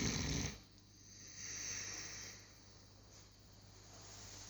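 Slow, noisy breathing with a rough, fluttering snore on the breaths of a sleeping young dog; ordinary snoring.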